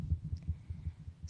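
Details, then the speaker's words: Fast, soft, regular low thumps of a child's heartbeat, about 150 a minute, recorded through a stethoscope by a music therapist for a memory-making heartbeat recording with family heartbeats. "so here's the patient's heartbeat sister's heartbeat mom's heartbeat dad's heartbeat then all four heartbeats overlapped"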